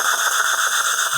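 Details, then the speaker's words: Steady high-pitched whir of a surgical implant motor that beeps on reaching 60 Ncm of torque while placing 2.0 x 13 mm mini dental implants to stabilize a loose upper denture; two implants now in place. "Now we got 60 Newton centimeters of torque. So now we have two implants in place. It's beeping at 60. That's excellent. That's the shaft first aseptic motor."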